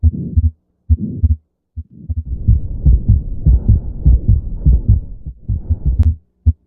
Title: Abnormal Heart sounds #shorts #abnormalheartsounds